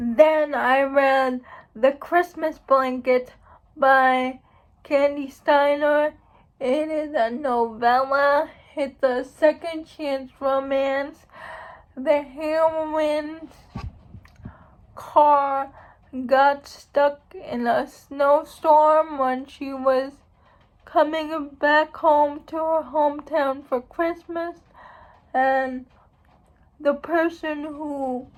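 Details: Adult woman who states she has cerebral palsy, real condition; dysarthria (cerebral palsy).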